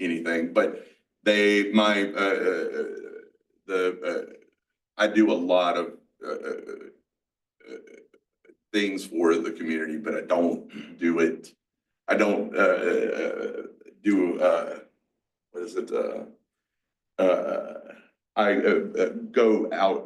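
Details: Adult male, 47, with mixed Broca's and Wernicke's aphasia after a massive stroke 6 years earlier (onset in his 40s). He had to relearn to talk. Aphasia.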